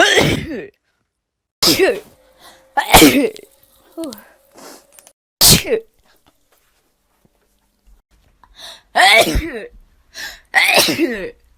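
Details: Person who says they sneeze very often, likely not from allergies, just after waking: about six loud, explosive sneezes, each a sharp sudden burst of breath and voice; repeated sneezing.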